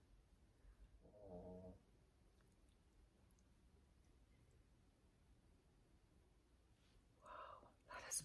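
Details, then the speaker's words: A very old dog with a short snout snores while sleeping in the background of the room. "sorry if you can hear my dog snoring behind you in the room he's really really old and he has a short snout so he snores when he breathes when he's sleeping"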